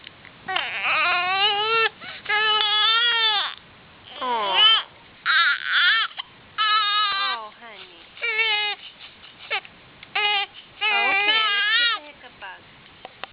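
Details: An infant with hiccups cries in repeated loud, wailing bursts with brief pauses for breath between them; infant cry.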